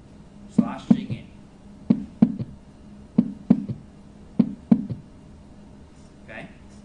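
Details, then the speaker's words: S3 gallop: a soft, lower-pitched extra sound right after S2 in a slow rhythm, giving a "lub-dub-da" ("slosh-ing-in") cadence; a new S3 indicates fluid backing up in heart failure. "you hear how it's a softer sound that occurs after S2 softer lower pitch sound but right after S2 and it's got that pattern of Love du da slashing in slashing in"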